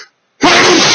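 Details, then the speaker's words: A man's sneezing fit triggered by his chinchillas' dust baths, which he says make him sneeze: a single loud, explosive sneeze after a brief silent pause. "but i'm just sort of overcome with sneezes at the moment um and i don't have i don't have any tissues because i um i was not prepared for this"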